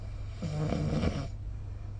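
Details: Snoring recorded during sleep with the SnoreLab app: a single loud, rough, fluttering breath over a low room hum.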